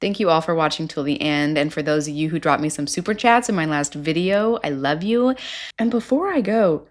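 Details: Adult woman speaking; Normal speech.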